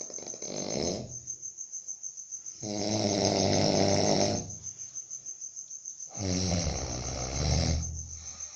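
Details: Snoring during sleep: loud, rattling snores on each breath at about 17 a minute, with quiet gaps between and a steady high electronic whine in the background.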